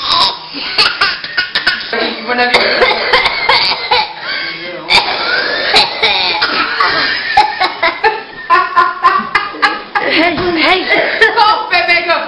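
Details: An infant laughs and gives short, deliberate coughs imitating an adult's (uncle's) cough; playful imitated voluntary cough, not illness.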